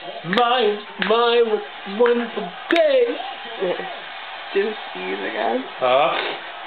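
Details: Young child laughing at her father sneezing and being silly: quick, repeated runs of bright, bubbly giggling, ordinary laughter.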